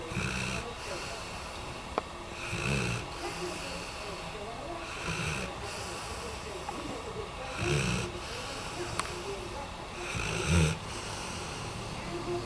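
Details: Japanese Tosa dog sleeping on a sofa: rough, low snoring sounds recurring every two to three seconds over steady room noise, with a few faint clicks; snoring likened to an old man's.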